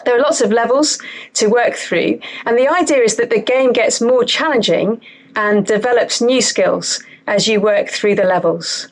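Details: Adult woman speaking; Normal speech.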